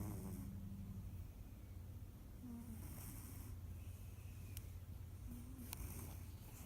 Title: Snoring cat named Charlie